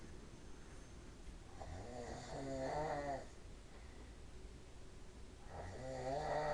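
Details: "Boys" snoring in a snoring contest at 5:30 in the afternoon: two rough, vibrating snores on breathing over steady room noise; snoring.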